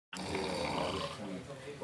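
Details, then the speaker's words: Adult male roommate sleeping in a bunk with a cell phone on his head, snoring loudly: a single loud, rough, rattling breath during sleep; snoring. "so check this out our bunk mate sarmiento this guy right here has passed out sleeping and a snores ridiculous little out and all right this isn't even like half of how he snores"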